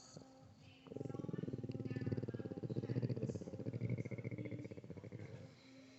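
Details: Boston terrier snoring: a long, low, rattling flutter lasting several seconds, then quiet, with coarse vibrating throat noise.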